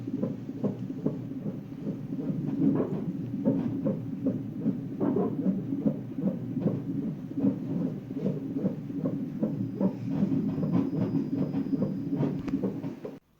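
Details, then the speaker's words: Rapid whooshing fetal heartbeat on a hospital fetal monitor in a 17-year-old mother admitted for suspected preterm labour and given steroids, with rhythmic thumping bumps over it from fetal hiccups. "I went to the next ward, and they put me on the monitor again, and the baby got hiccups, and it was so cute."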